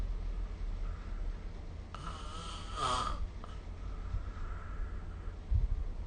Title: 🐽 Snoring Sleep Sound / いびきの音